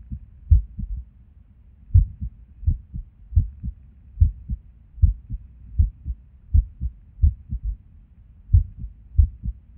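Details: Resting heartbeat recorded at Erb's point while sitting at a desk: paired sounds roughly 75 a minute, uneven spacing, occasional pauses; irregular rhythm with skipped beats.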